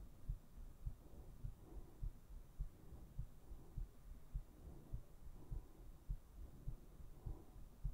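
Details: Heartbeat recording made for sleep relaxation: a steady, regular low thumping at roughly 100 beats a minute with a faint hum behind it; ordinary heart sounds.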